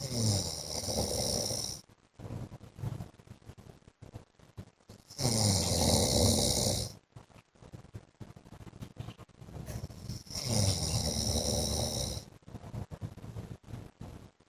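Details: Adult man (husband) asleep: loud, rattling snores of about two seconds each, roughly 11 a minute, with quieter breathing between; snoring.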